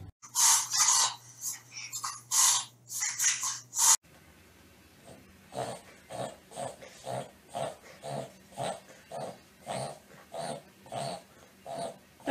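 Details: Dog or cat reverse sneezing: rapid, repeated loud snorting pulls of air through the nose.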